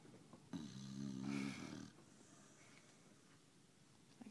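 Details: Sammie, a female pet asleep after a hard day of walking and eating: one drawn-out, throaty, rumbling snore over a second long, then quiet breathing; snoring.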